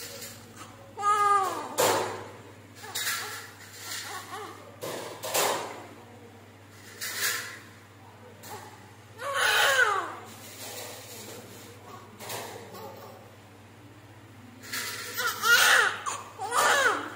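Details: Baby girl born at 39 weeks by normal delivery, immediately after birth: repeated thin, high-pitched first-cry wails with pauses between, amid room noise; a normal newborn cry.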